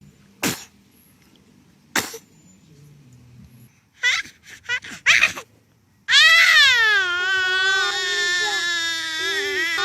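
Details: A baby sneezes twice quickly, then makes short fussy sounds and breaks into sustained crying.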